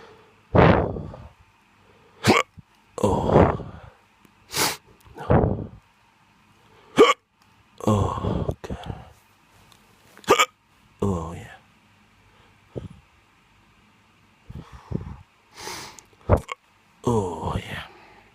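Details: Drunk adult with roughly a dozen sudden voiced hiccups at irregular intervals, some followed by short vocal sounds.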